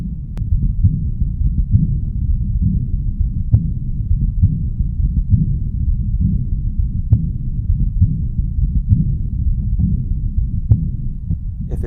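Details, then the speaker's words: Aortic regurgitation: low heart sounds with a rushing systolic outflow murmur from high flow across the aortic valve, best heard at the right upper sternal border (aortic region), softer than and partly masked by the diastolic murmur. "you'll hear it best in the aortic region at the right upper sternal border that should be occurring during systole it can be sometimes hard to appreciate with the diastolic diastolic murmur occurring"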